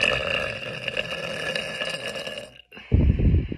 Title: Girls burping